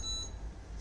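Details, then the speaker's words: Freestyle Libre 2 reader scanning its sensor after a low glucose alarm, in a comparison with Libre 1: short high beep; reading then showed hypo 2.9 while the person felt fine. "so i am going to check my glucose with that and see what's going on okay so i'm going to check the glucose freestyle number two is the one on the right"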